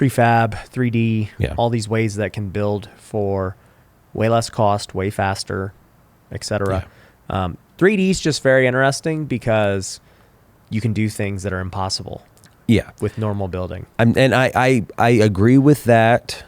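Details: Adult male speaker; normal conversational speech.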